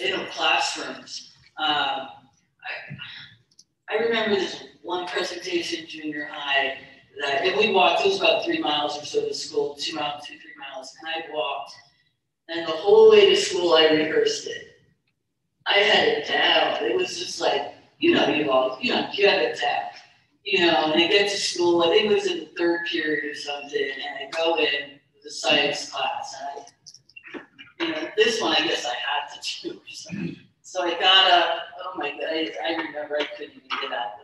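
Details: Stuttering in a woman speaker who stutters since childhood; real speech.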